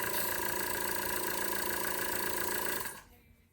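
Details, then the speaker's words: Loud, steady mechanical whirring with a fast rhythmic pulse, then cutting off, from a home-care portable/stationary suction machine as suction begins with the thumb over the port and the catheter is withdrawn; suction machine running. "so once you were in as far as you're going to go you're going to put your thumb over the thumb and that's how the suction begins and then you're going to pull the catheter"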